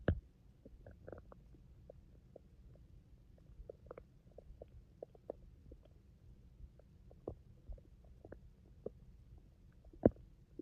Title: My stomach growling rumble 😩